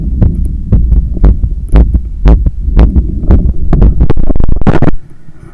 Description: Recording after running 10km outside and climbing up 15 floors of stairs to get home. My heart was visibly hammering inside…